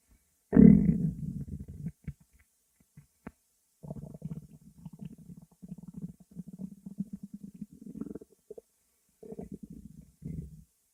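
Long low gurgling rumble with bubbling runs, then quieter rumbles: normal stomach growling from gas and fluid moving through the gut.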